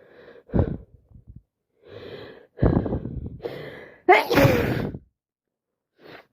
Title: So sneezy with this cold probably 6 sneezes a minute atm. Wet loud cold sneezes 🤧😤